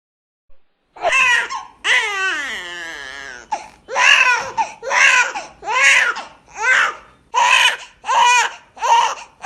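Infant crying in repeated rhythmic bursts after one long falling wail, in a quiet small room.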